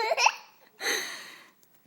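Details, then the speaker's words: A 2-year-old child singing breaks off with two quick, sharp hiccup catches, then a longer voiced sound; hiccups interrupting singing. "You got the hiccups. They do the You got the hiccups. Try it again."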